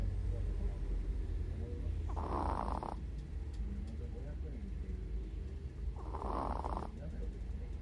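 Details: A 16-year-old Chihuahua with cataracts and hearing loss, snoring while deeply asleep during a daytime nap: two soft, rasping snores against a steady low background hum.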